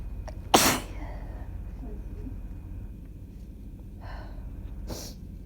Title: Short sneezing fit (with gf blessing me!!)